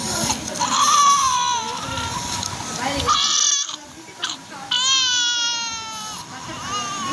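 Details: Strained, high-pitched crying in bursts from a newborn during nasogastric and orogastric suctioning in hospital, with staff instructing nearby; newborn cry.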